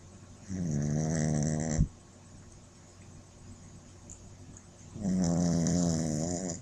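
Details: Sleeping Shih Tzu puppy snoring, possibly dreaming: long, buzzing snores with a wavering pitch, separated by a quiet pause.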